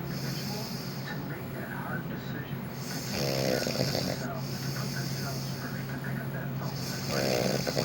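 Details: Wife snoring in her sleep, recorded by her husband as proof that she snores: intermittent rough snoring sounds over steady background noise.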